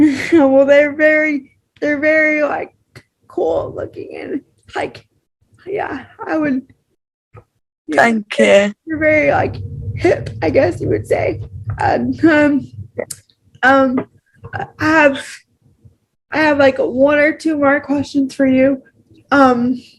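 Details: Adult woman with cerebral palsy who says she struggles with her voice, takes longer to talk and appears to strain when speaking; dysarthria (cerebral palsy).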